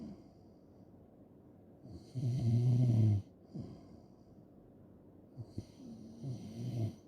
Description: just snoring and snoring loud asmr